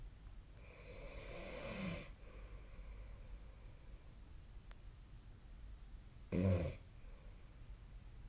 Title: 🐽 本日のイビキ / Snoring Sleep Sound 2025/03/12